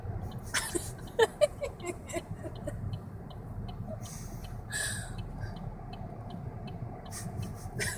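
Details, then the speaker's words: Woman with a bad case of hiccups after a birthday dinner, recorded by others. "he's trying to record my hiccups what that's what she sounds like"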